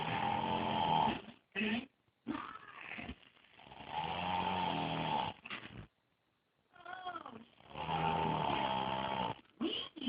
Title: Brother snoring EXTRA loud